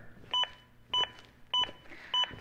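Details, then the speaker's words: Training AED Plus metronome during simulated CPR on a trainer: four evenly spaced beeps, about 100 a minute, an adaptive metronome that monitors compressions and urges a rate of at least 100 per minute while prompting harder pushes. "the beeps act as an Adaptive metronome that monitors my compressions and tries to speed them up to at least 100 per minute"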